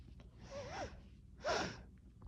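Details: Two breathy, voiced sneezes about a second apart, the second louder and sharper.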